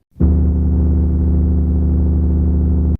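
A steady, droning low hum with a buzzy edge, unchanging for nearly three seconds: a simulation of low-pitched rumbling tinnitus.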